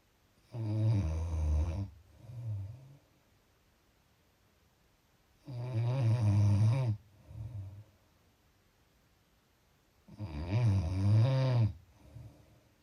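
Three deep, rattling snores on the in-breath, each followed by a softer out-breath, about twelve breaths a minute: snoring.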